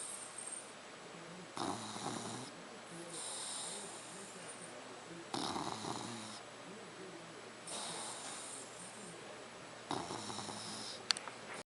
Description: 3 month old Dogue de bordeaux snoring